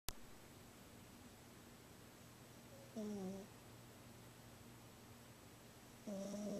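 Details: Female cat that snores whenever she sleeps, louder than usual this time: a low, steady rumble with two brief, wavering, whistly noises about three seconds apart; snoring.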